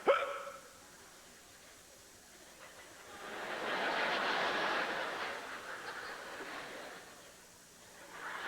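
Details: A comedian on stage imitates a single sharp hiccup during a stand-up routine, followed by audience laughter and applause: imitated hiccup.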